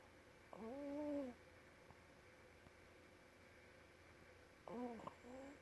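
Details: Puppy snoring: a sleeping puppy makes two high, squeaky, whistling snores about four seconds apart against quiet room noise.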